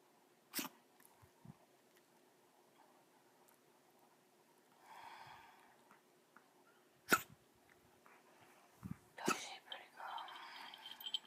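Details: A dog coughs after tracheal stent placement, giving about three sharp, isolated coughs; audio only.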